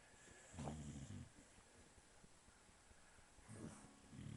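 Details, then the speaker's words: A resting dog snores: two low, rough, rattling breaths a few seconds apart. "Dex, are you snoring?"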